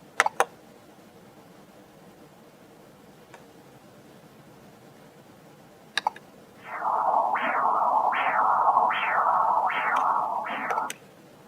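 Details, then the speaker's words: First-trimester preeclampsia screening, sagittal approach: right uterine artery Doppler at the level of the internal os, rhythmic whooshing signal at about 70 pulses a minute with sharp rises and continued diastolic flow, measured for pulsatility index. "Now we measure the right uterine artery. And once you see 3 consecutive waveforms that are similar, we freeze the image and you use automatic function to measure the pulsatility index."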